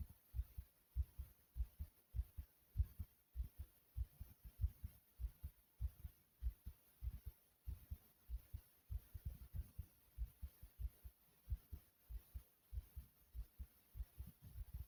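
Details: Self-recorded pounding heartbeat, noted as fast: strong, regular low thumps at about 98 beats a minute.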